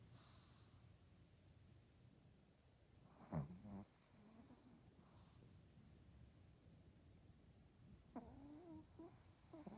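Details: Dog snoring: soft, low breathing with two brief snorting snores over steady room hiss.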